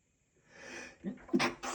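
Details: A rising inward breath followed by short, muffled, partly held-back bursts; a man stifling strong sneezes during a sneezing fit.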